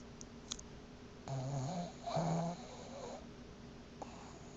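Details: Tila snoring during REM sleep, caught on a shaky handheld recording.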